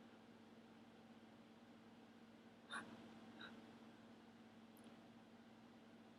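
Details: Person with allergies who has taken a long time to sneeze since age 5: two quick, sharp gasping inhalations before a sneeze that does not come, over low room hum; pre-sneeze gasping.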